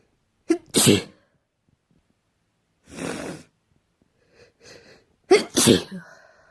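Two sharp sneezes, each with a quick in-breath before the burst, and a softer noisy breath between them.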